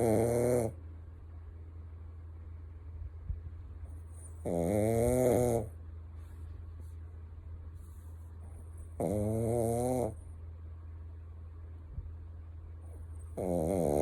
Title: Snoring Chucky the Shitzu